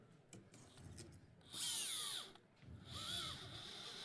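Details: Surgical power drill with a 4.3 mm drill bit during femoral neck fracture fixation with the Femoral Neck System (FNS): short bursts of high whirring with rising and falling pitch as it drills into bone.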